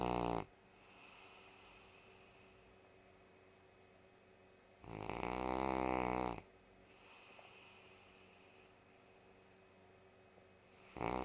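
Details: Female sleeping during a Sunday morning nap: long, rough, rattling snores on each in-breath, separated by pauses of several seconds, steady background hum; snoring.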